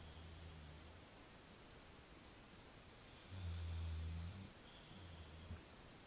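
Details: Œdipe, a dog napping, gives three low, rumbling snores over steady background hiss, the middle one loudest and longest: snoring.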